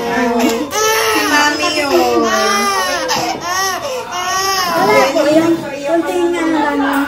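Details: Loud, strained rising and falling wails from a baby during ear piercing, with an adult's voice nearby; infant pain cry.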